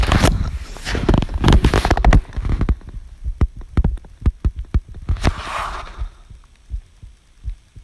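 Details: Person's own heartbeat recorded by their partner: heavy rustling, then faint, soft heart thumps quickening around an audible breath in; person asks whether this is normal; respiratory sinus arrhythmia.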